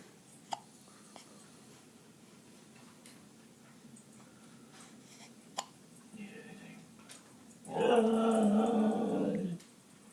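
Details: Two faint, sharp hiccup clicks about five seconds apart in a quiet room, then a long drawn-out whining sound; hiccups.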